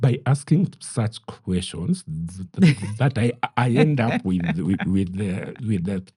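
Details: Adult man who stammers, saying it is genetic, inherited from his mother, and at times acute; word and part-phrase repetitions are heard; stuttering.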